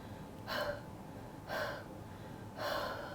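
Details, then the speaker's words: Patient with bronchiectasis doing airway clearance with a therapist's coaching: three forceful open-mouthed huffs about a second apart, a huff cough. "Okay. So let's try your, huff cough. Okay. Good. One more time."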